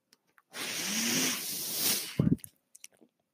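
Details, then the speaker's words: Person on a mechanical ventilator speaking while it runs: a steady rushing hiss of air for about a second and a half, ending in a brief low clunk; one ventilator breath cycle. "hello everyone my name is that noise earring is my ventilator and welcome to page-turners"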